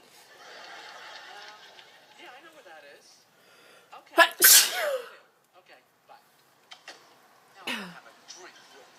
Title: i can't stop sneezing